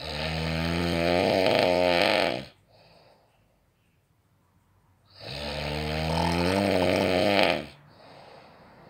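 Two loud, long, rattling snores on the in-breath with a quiet pause between, about two breaths heard in nine seconds.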